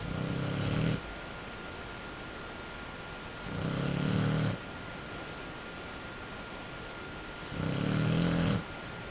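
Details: Loud, low rumbling snores, one with each breath about every 3.5 seconds (roughly 17 a minute), over a steady faint room tone; snoring during sleep.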